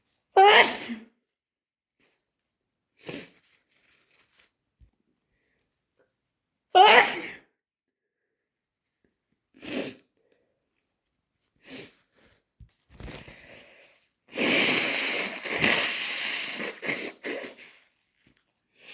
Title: Intense chhinkni sneezes and wet nose blows